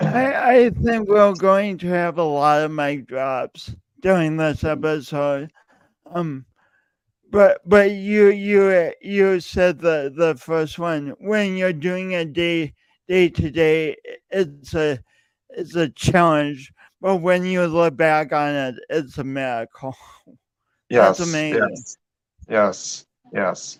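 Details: Male speaker who self-reports an audible speech impediment present whenever he speaks, with part-word and word repetitions; stuttering-type disfluency.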